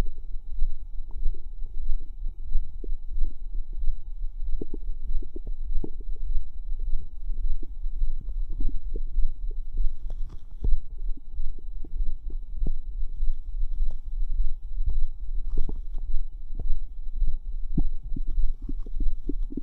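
Frequent irregular low gurgles, bubbling and squelching pops over steady low background rumble; ordinary active bowel sounds.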